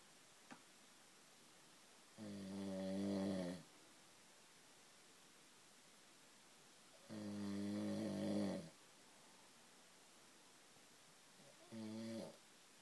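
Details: Adult man's loud, rough, rattling snores on each in-breath, about 12 a minute, with quiet pauses, described as going on all night; he denies being a loud snorer.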